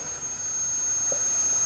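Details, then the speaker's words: Dental unit handpiece run with the foot pedal during a demonstration: a steady high-pitched whine with hissing airflow that speeds up as the speed control knob is turned. "makin kencang"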